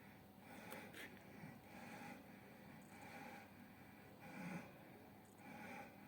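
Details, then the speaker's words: Maximal voluntary ventilation maneuver on spirometry: rapid, deep, forceful breaths in and out through a mouthpiece, about 48 a minute, with high effort for 12 seconds; the software stops recording automatically at 12 seconds to prevent alkalosis. "بعد از اینکه فرد متصل شد و در واقع نرمفزار آماده ثبت شد بلافاصله شروع میکنه به دم و بازدم‌های عمیق و سریع انجام دادن به مدت ۱۲ ثانیه و با تلاش زیاد و با سرعت زیاد دم و بازم‌های عمیق و سریع انجام میده"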